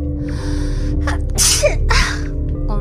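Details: Two quick soft sneezes, the first with a sharp in-breath, over steady background music, followed by "excuse me" in Japanese; sneezing.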